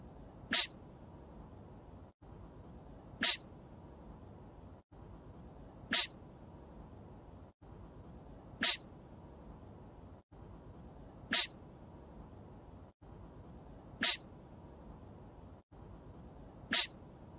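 Identical short, sharp sneezes repeat about every 2.7 seconds, looped from a cartoon rather than a real sneezing episode.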